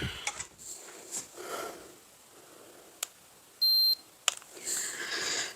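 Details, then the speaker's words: A single short, high beep from a Braun forehead thermometer among faint handling clicks and rustling, signalling the reading is done; it then read 96.2°F, lower than oral readings. "Now let's go with the last one here, the Braun. Forehead. Just did one beep."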